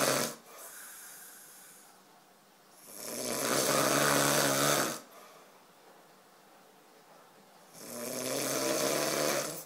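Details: Man asleep, snoring loudly: loud, rough, fluttering inspiratory snores, about 13 a minute, with softer breathing between.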